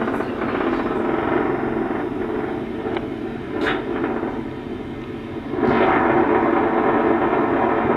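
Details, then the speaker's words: Needle EMG in an adult, clinical research study: steady, machine-like buzzing rattle, a complex repetitive discharge from denervated muscle. "That's a complex compressive discharge there. So what's causing that? Again, that's denervated muscle."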